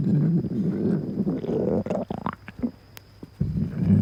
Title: my stomach growl